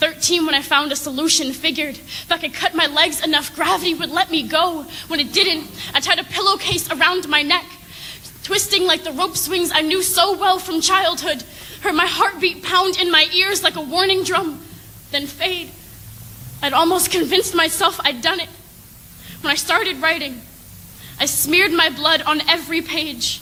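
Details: Adult woman reading poetry; normal speech.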